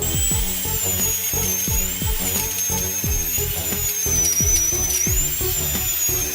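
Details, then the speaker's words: High, wavering whine of a diamond-bur dental drill removing decay from a reclining patient's deep cavity before a gold inlay, partly masked by loud background music. "等你躺平后，医生先用金刚石钻头去除腐质，腐质也就是蛀牙上的黑色物质。"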